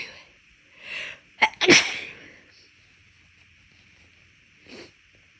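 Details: Brief inhale then sharp double-burst sneeze with a faint sniff, induced for a lingering left-nostril tickle weeks after an illness; ordinary sneeze among repeated sneezes with nose blowing.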